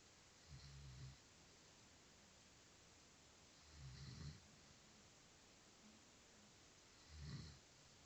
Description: I had no idea my dad snored